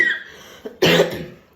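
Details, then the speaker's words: Single harsh dry cough after a short breathy throat sound, with no wet rattle, from a person with a severe dry cough lasting months that worsened after eating laddu; dry cough. "చాలా effect చూపించింది విపరీతమైన దగ్గు పొడి దగ్గు అన్నమాట ఎంతకీ తగ్గట్లేదు"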